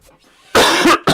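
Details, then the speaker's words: Adult with self-reported congestion gives two loud, harsh coughs in quick succession after a quiet lead-in, trying to cough it out. "sorry I'm just kind of kind of a little congested there so just trying to cough it out I know that sounds gross TMI sorry about that"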